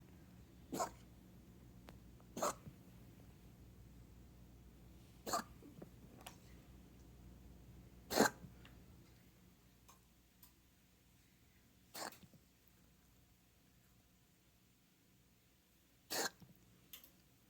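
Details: Pet (Bandit) gives about six short, sharp, irregularly spaced coughs over quiet room background: cough.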